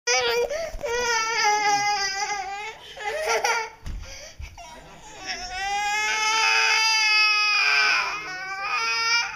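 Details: A young child cries in loud, high wailing bouts with short breaks between them in a small room; child crying.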